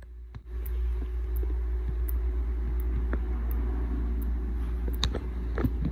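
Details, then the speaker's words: Constant clicking of a mechanical heart valve in a heart surgery survivor, heard every minute of the day and more noticeable at night; the patient uses the sound instead of taking a pulse. "so those of you that aren't familiar with heart valves or mechanical valves in that case they make noise they click all the time"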